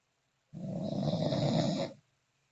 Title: The snoring champ